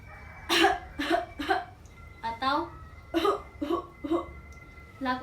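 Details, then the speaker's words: Nursing student demonstrating effective cough: after 4–5 deep breaths and a 1–3 second breath hold, a series of short, forceful deliberate coughs in quick succession to clear sputum. "Yang ketiga, angkat bahu dan dada dilonggarkan serta batukan dengan kuat dan spontan. Keluarkan dahak dengan bunyi"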